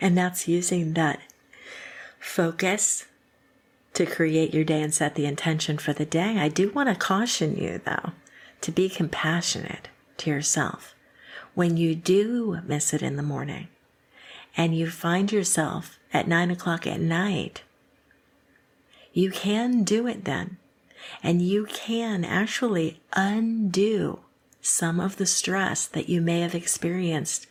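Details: Adult woman speaking; typical speech.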